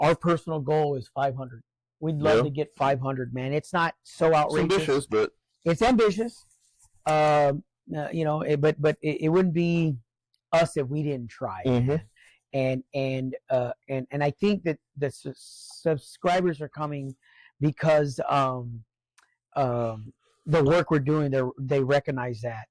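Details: Adult man with acquired neurogenic stuttering since a stroke: occasional, mainly on words starting with S and R, where the word won't come out; he is in therapy and attending medical appointments for it.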